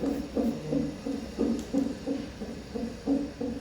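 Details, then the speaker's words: Fetal heartbeat on a heart-rate monitor at a gynecologist visit; the baby is in breech position and kicking. Rapid, regular whooshing pulses. "It's actually kind of calming to hear the baby's heartbeat."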